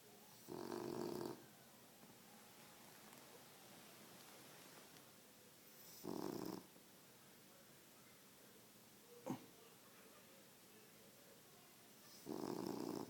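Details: Sleeping French Bulldog resting after a busy day: three rough snoring bursts about six seconds apart with quiet between. Snoring.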